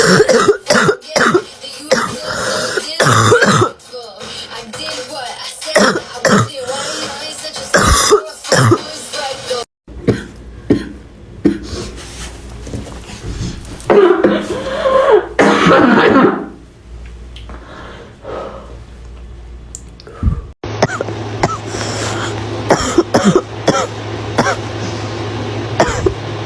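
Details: Girl with a bad barking cough: repeated harsh, forceful coughs with throat clearing over background music.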